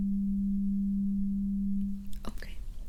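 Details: Steady low hum of a struck tuning fork, briefly interrupted by handling, then resuming. This is a simulated (roleplay) cranial nerve ear exam, testing when the sound stops and comparing loudness at two positions.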